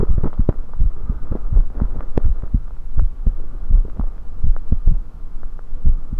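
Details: Own heartbeat recorded with USB electronic stethoscope while drinking soda: deep repeated thumps mixed with low rumbling noise, irregular spacing making rate hard to count; normal heart sounds, esophageal burps also caught.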